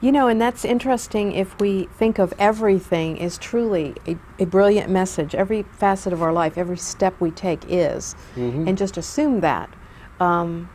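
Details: Adult woman speaking; ordinary speech.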